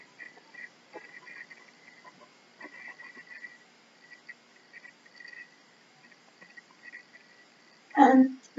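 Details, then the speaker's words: Frequent soft clicks and gurgles heard with the stethoscope bell placed lightly on the abdominal skin, ending in a louder gurgle; active, normal bowel sounds. "his bowel sounds are active. In this case, you would be able to listen."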